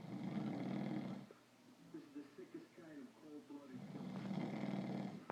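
Loud, rough, rattling inhaled snores separated by quieter breathing; typical heavy snoring.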